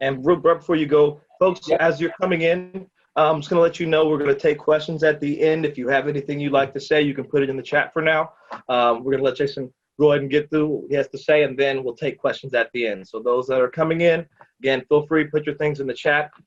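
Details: Adult male speaker; normal speech.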